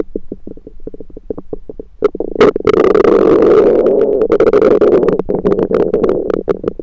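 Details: Abdomen recorded with a USB stethoscope: rapid bubbling clicks, then a loud sustained gurgling rumble; ordinary stomach rumbling, bowel sounds.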